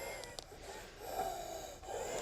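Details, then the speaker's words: 55-year-old man with sudden-onset difficulty breathing, fighting for breath, with chest and upper back pain, on prednisolone, given two weeks ago, taking deep breaths during paramedic chest exam; harsh, effortful, faintly wheezy laboured breathing over room noise. "a 55year-old male uh having difficulty in breathing, fighting for breath, sudden onset, and some chest and upper back pain."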